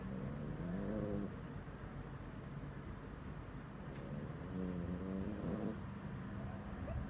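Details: Sleeping dog snoring: two slow rattling snores with whistling tones over room noise.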